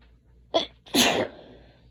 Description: A few sneezes from allergies